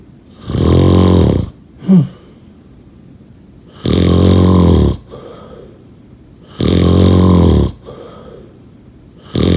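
Loud, rattling snores on each in-breath, about every three seconds, with softer out-breaths between; snoring.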